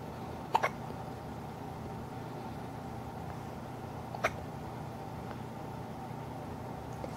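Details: Three-day-old newborn with hiccups, recorded in hospital: a few brief, sharp clicking hiccup sounds, about three in seven seconds, over a steady background hum.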